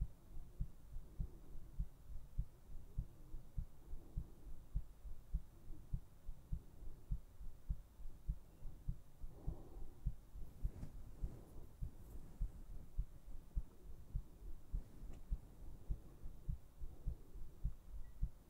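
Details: Heartbeat recording made for sleep relaxation: steady, regular low thumps at about 100 a minute with faint room hiss; a plain heartbeat.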